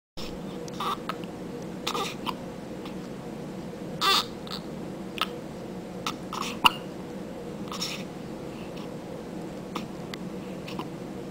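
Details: Infant girl's hiccups: about a dozen short, abrupt hiccup sounds at irregular intervals over eleven seconds, with steady background hum.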